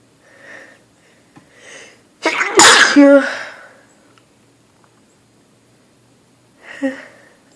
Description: I'm visitng relatives in south carolina and the place I'm staying is so dusty and I just can't stop